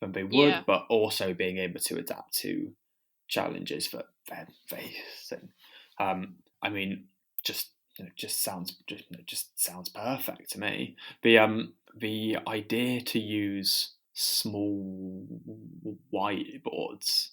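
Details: Stammering in a podcast host who has a stammer.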